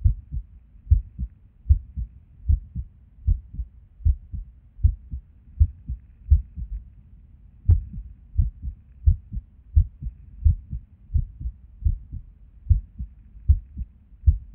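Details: Resting heartbeat recorded at Erb's point while sitting at a desk: low thumps about 77 a minute with uneven spacing and an occasional longer pause; irregular heartbeat with skipped beats.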